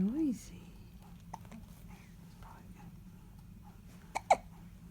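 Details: Infant in a quiet room: a brief baby vocal sound, then two quick, sharp hiccup catches close together near the end; hiccups.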